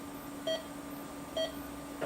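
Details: Two short, evenly spaced electronic beeps over room hum from an ECG heart monitor in a simulated emergency role-play: a patient with severe hypertension (190/120) having a heart attack, ECG showing ST-elevation myocardial infarction.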